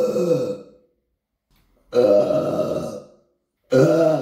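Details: Three long, loud, rumbling belches, each about a second, in a quiet room; repeated deliberate burping.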